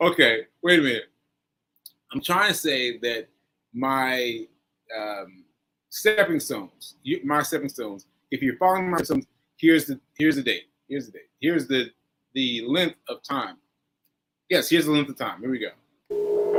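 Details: Aphasia with word-finding difficulty in a male stroke survivor, nearly a year after a stroke on 7/14/22 (recorded 7/4/23); he is still recovering and says his aphasia makes some things harder.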